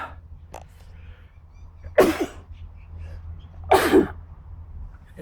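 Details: An adult man who feels unwell, with a slight sore throat but no fever or runny nose, after sanding without a mask the day before. Two forceful sneezes about two seconds apart, each a sharp burst after a brief intake, over low room hum.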